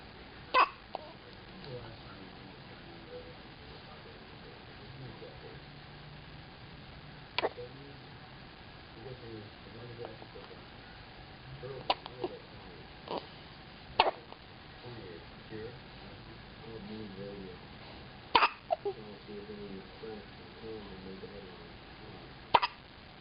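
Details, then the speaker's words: Baby girl with hiccups: about eight small, sharp hiccups at irregular intervals, with soft baby sounds and adult talk in the background. "Poor baby's got a hiccup."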